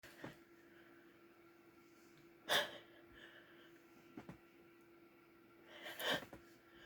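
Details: Two forceful, breathy, wet sneezes a few seconds apart, with quieter breaths between, over a steady low room hum; sneezes deliberately induced by trying chikni, described as very strong.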